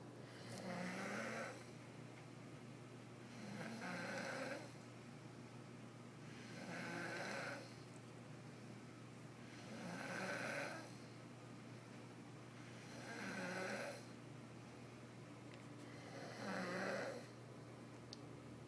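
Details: A person snoring: regular rattling snores on each breath in, about 19 breaths a minute, over a steady low background hum; snoring.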